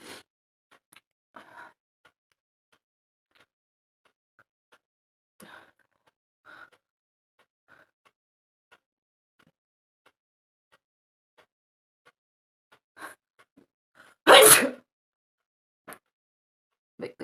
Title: nose sneezing challenge 🤧